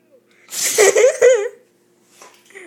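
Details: Rottweiler sneezing: a short burst of sharp, blowing nasal sounds followed by a squeaky exhale, with brief room sounds afterward.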